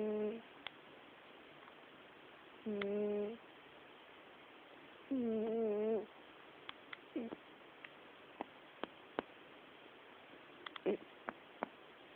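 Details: Sleeping cat: three tonal, buzzing snores roughly two to three seconds apart, then quiet.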